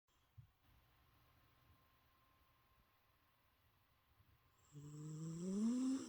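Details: Napping cat: a quiet stretch, then one loud, rough, rising snore.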